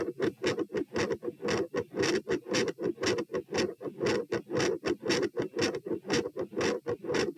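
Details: Auscultation stress test at position P (rates 78–102–120–138 bpm across lying, sitting, standing, bobbing, standing; unusually loud supine): fast, very loud, harsh heartbeats about 115/min with a murmur around S2.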